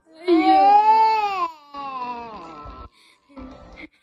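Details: Young child (girl) cries in long, high-pitched wailing bursts, then quieter sobbing, while upset over a tiger video; crying.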